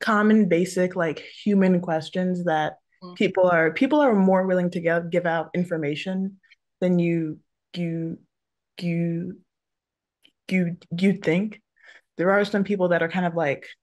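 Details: Adult who stutters, hosting a National Stuttering Association webinar on careers; repetitions of words and phrases are audible; stuttering.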